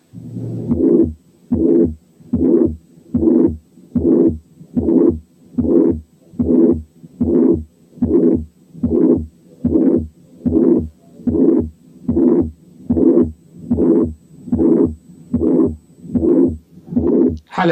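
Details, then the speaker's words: Mitral incompetence heard at the apex with the stethoscope diaphragm: a regular heartbeat near 74/min with a pansystolic murmur. "5 كان بان سيستوليك ميرمر في حالة ماترال انكومبتنس."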